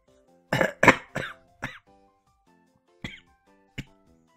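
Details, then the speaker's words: Adult speaker with a slight cough coughs while talking over gameplay; cough. "yeah I have a slight cough so I'm sorry if I like um if I sound a little bit different and uh I cough a little bit I'm sorry"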